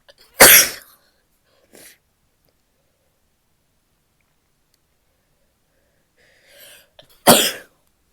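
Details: Female sneezing: two loud, sharp sneezes several seconds apart, with a faint breath and sniff between; coughs and nose blowing come later.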